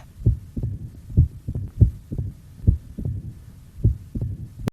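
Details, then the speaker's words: Heart auscultation demonstrating mitral stenosis (narrowed left atrioventricular orifice): loud, sharp first and second heart sounds in a repeating three-beat cadence, about 75 cycles a minute; quail rhythm of mitral stenosis. "Митральный стеноз кезінде ритм перепела естіледі. Бірінші тон мен екінші тон қатты жәнегі күшпен жабылады да, сол кезде осы ритм перепела естіледі."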